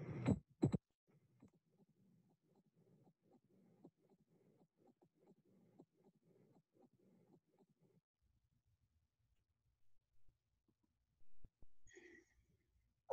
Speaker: The opening snap OS of the stenotic mitral valve is a distinct crisp extra sound. It can be emulated saying "lap butter," adding an additional syllable to normal heart's "tup-tup."